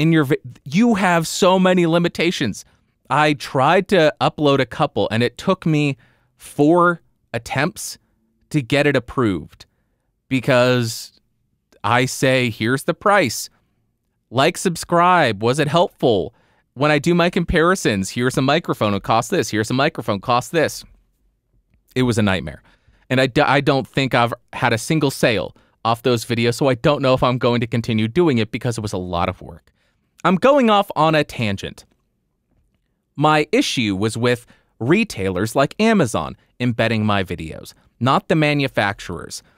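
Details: Adult male; typical speech.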